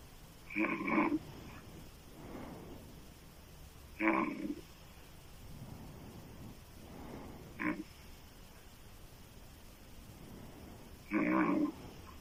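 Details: Female loud open-mouth snoring: four loud, rough snores with softer breath sounds between them.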